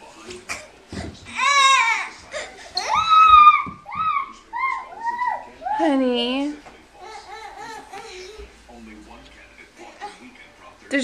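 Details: Young child crying and whimpering in rising and falling wails, quieter toward the end; the child seems scared and unwell, and the mother asks if the tummy hurts and believes the child has GI problems.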